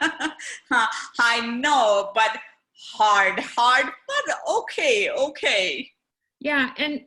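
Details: Adult woman, stroke survivor in India, with aphasia, with her husband as care partner; aphasia.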